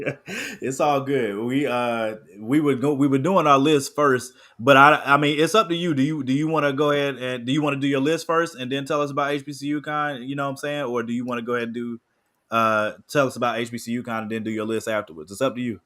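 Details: Adult man speaking; Normal voice.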